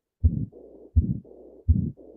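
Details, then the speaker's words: Heartbeat near 83 a minute with continuous swishing through both systole and diastole, as if blood is squirting where it shouldn't: combined systolic and diastolic murmur, described as worse than an isolated murmur. "Now let's see an even worse case where there's both a systolic and a diastolic murmur."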